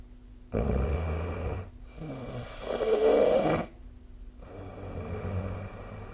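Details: Snoring during sleep recorded with the SnoreLab app: loud, rough, rattling snores with short pauses between.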